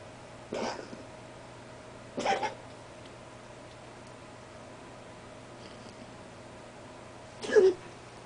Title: Coughing